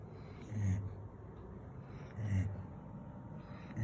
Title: Golden retriever snoring 😴